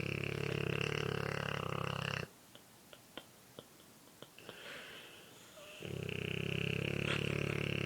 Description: My Bordeaux was snoring as usual on my shoulder